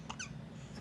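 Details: 2-week-old baby girl with newborn hiccups: two brief, high, squeaky chirps close together over a low room hum, sounding like a squeeze toy.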